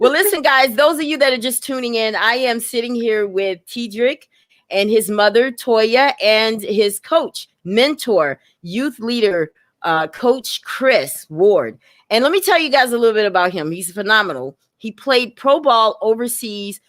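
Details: Adult woman speaking; Normal speech.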